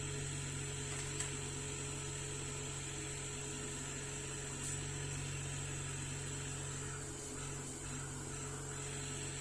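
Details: Steady low mechanical hum with a constant high whine from a running oxygen concentrator under repair for no oxygen output, during leak checks; compressor noise.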